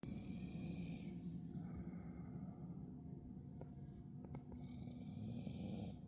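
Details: Dog (Bailey) with harsh, rattling, snore-like breathing and faint high whistling, recorded 7/24: wheezing.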